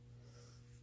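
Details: Low, steady rumbling snore from a sleeping female pet in a quiet small room; snoring.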